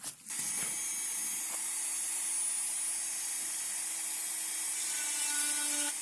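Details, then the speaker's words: High-speed dental handpiece's steady whine with faint room hiss during mesial surface reduction of a typodont mandibular first molar (#36) for a full veneer crown. "Okay, so now our distal surface reduction is complete. We'll do the same thing for the mesial side also."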